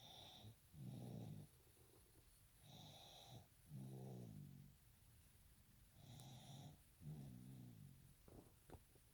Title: 12.15.20 baby snores